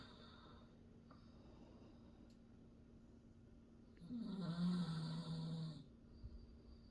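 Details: A father snoring while his baby explores nearby: after a quiet stretch with a steady low hum, one low, droning snore lasting about two seconds.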